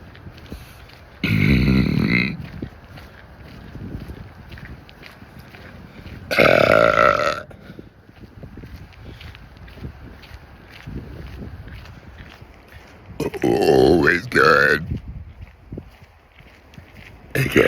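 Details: Deliberate adult burping while walking outdoors on a trail: three loud, long, voiced burps of about one to one and a half seconds each, with wind and footsteps between.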